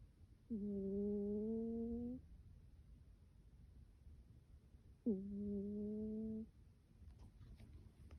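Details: Sleeping cat with her face covered giving two long, tonal, humming snores about four to five seconds apart, with quiet room noise between; snoring.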